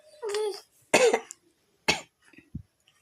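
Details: Infant pretending to cough in play, not illness: a brief voiced sound, then two short, sharp voluntary coughs.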